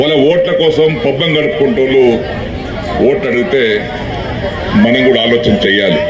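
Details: Adult man speaking; Normal speech.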